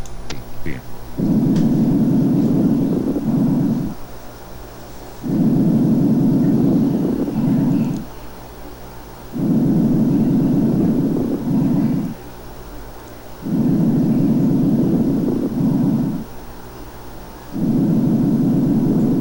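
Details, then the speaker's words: Fine crackles (crepitant rales) on chest auscultation: a fine, soft friction-like sound at the end of inspiration, from small bubbles forming in the alveoli. "la inspiración cómo se escucha ese ruido fino y ese ruido como frote pequeñito que está dado por las pequeñas burbujas que se forman en los alvéolos y que se forman al final de la inspiración"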